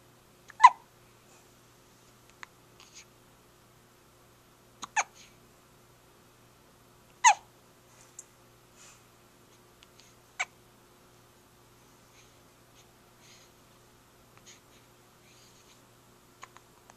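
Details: Hiccups during sleep: soft, abrupt catches spaced irregularly, several over about 17 seconds, in a quiet room; recorded with a Flip Video camcorder.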